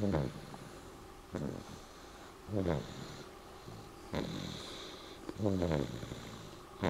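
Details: Snoring: low, rattling snores with each breath, about four in seven seconds, over a steady room hum.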